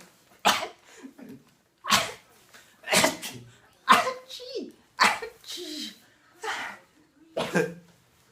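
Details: Repeated "achoo" sneeze sounds made to amuse babies: about eight sharp, explosive sneeze-like bursts, each with a brief voiced tail; repeated sneezing.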